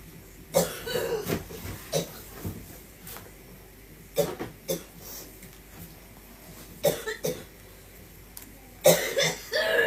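Several short cough bursts, some with throat clearing, separated by quiet gaps in a small room.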